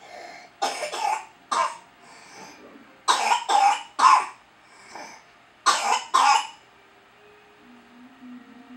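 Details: A child coughs in short bouts of two or three, about eight sharp coughs in all, with quiet pauses and faint breaths between; cough.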